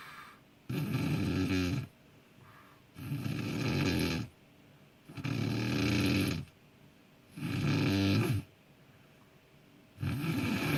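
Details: A friend, filmed secretly while sleeping and uploaded with consent, gives loud, rough snores about every two and a half seconds, each over a second long with quiet gaps; unusually heavy snoring.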